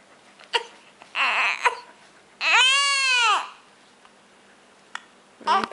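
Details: Infant boy lying on his mat with hiccups, possibly still hungry: short fussy cries and one sustained wail with quiet gaps between, crying and hiccuping at once.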